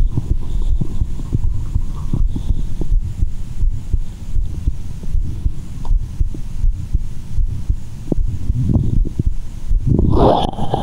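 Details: Low muffled heart thumping, roughly 80 a minute, through a newly unboxed digital stethoscope being tested, with heavy rubbing noise, hard to pick out clearly.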